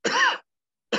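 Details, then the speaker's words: A respiratory therapist demonstrates a single brief, harsh, throat-clearing adult cough, an ordinary cough, contrasted with the huff coughing needed to clear thick cystic fibrosis secretions. "coughing is a very important technique as well and a lot of us think that coughing and i'll demonstrate this is simply"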